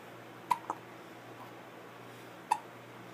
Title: Baby hiccups